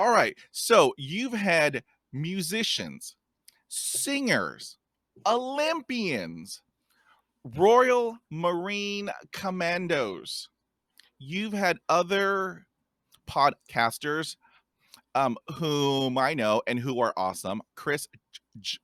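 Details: Stuttering in a podcast host who describes himself as a person who stutters and has a speech impediment.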